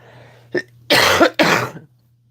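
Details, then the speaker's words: Adult talking on a live chat warns of an oncoming coughing fit, then gives two strong, harsh cough bursts after a brief throat sound, with a low steady hum behind; cough. "And I may go into a coughing fit, y'all."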